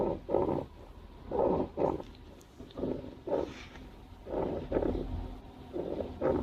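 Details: Wild hedgehog snoring while sleeping in a garden nest box: soft, rhythmic, rumbling snuffles about 40 a minute, like a small pump running in a greenhouse.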